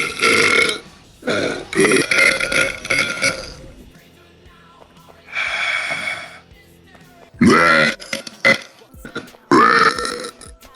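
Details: Burp compilation from 2019: a run of loud, long, gurgling belches with brief gaps, over faint music; repeated burping.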